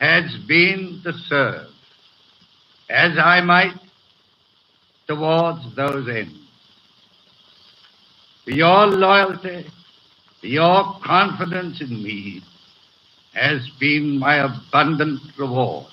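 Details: Adult man with a severe stutter, in his May 1937 coronation-day radio broadcast before full speech therapy; hesitations are heard throughout.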